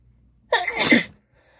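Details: Performed sneeze from a female: a single forceful, wet, spraying sneeze with a sharp explosive burst, then quiet.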